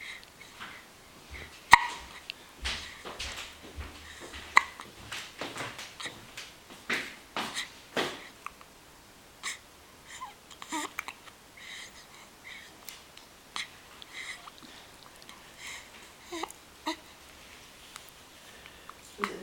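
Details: Dog with hiccups: repeated short, sharp gulping clicks, roughly 20 a minute and somewhat irregular, with quiet breathing between.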